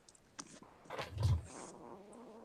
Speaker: that's our complete dog that's bitsy snoring